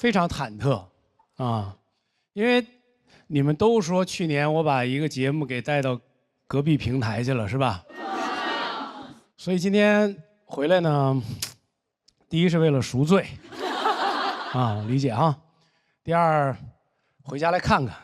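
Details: Adult male speaker; normal speech.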